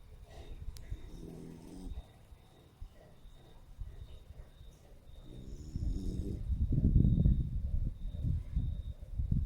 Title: Sleepy 😴 schnauzer Snoring in my arms 🤫😴 Schnauzer pitic sforăie în brațe